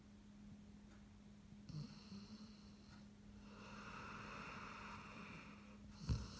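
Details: Sleeping Greater Swiss Mountain Dog snoring: soft, rough breathing noises with a steady hum in the background.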